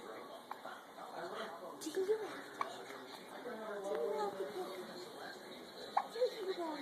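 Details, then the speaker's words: A girl with hiccups: brief sharp catching sounds a few seconds apart amid soft voices in a quiet room; hiccups. "Look at her. You got the hiccups. Do you have the hiccups?"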